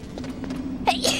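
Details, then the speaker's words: Single short, sharp, breathy sneeze after a quiet lead-in, from a speaker with very bad allergies; sneeze. "In case you didn't know, ruffians, my allergies are very, very, very bad right now."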